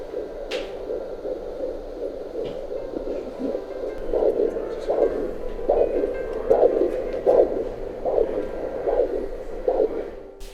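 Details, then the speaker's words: Soft, regular whooshing pulses over a steady hum, about 75 a minute, heard through a V6CO Hi! Baby home fetal Doppler during pregnancy; fetal heartbeat should be faster than the mother's, usually 130–160 bpm. "a fetus's heart trait is rhythmical and faster than mother's the expected child's heart rate usually falls between 130 and 160 bits per minute"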